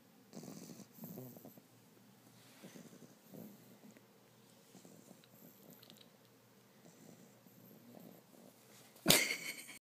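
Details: Soft, rattly snoring and snuffling breaths from a sleeping French Bulldog puppy, ending in a sudden sharp knock; snoring.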